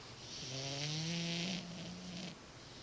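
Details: Snoring in a cat: one long, buzzing, slightly tonal snore on a breath in.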